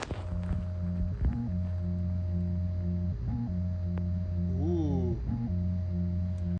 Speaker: This person needed surgery to have an artificial heart placed in his chest. This is what the heartbeat of an artificial heart sounds like.